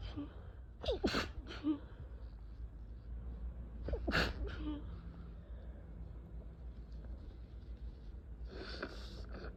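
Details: Sneezing after attempts to stifle them: forceful sneezes, each preceded by a gasping in-breath and followed by a sharp burst, over steady low background hum.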